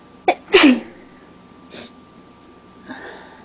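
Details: A quick intake then a sharp sneeze burst, a soft sniff and faint breath: a single sneeze in a person with bad allergies, tickling and running nose.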